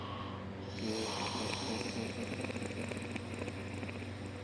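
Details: Adult man snoring after surgery: drawn-out, rasping, groaning snore with a gurgling rattle over steady room hum.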